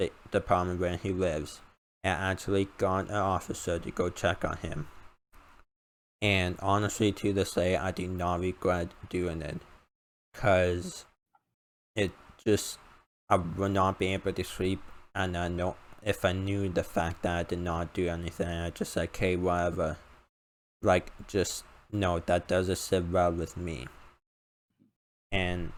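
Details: Male speaker with an uncontrollable speech impediment, improved after about 10 years of speech therapy, formerly relied on an iPad button talking device, unused for almost three years; speech impediment.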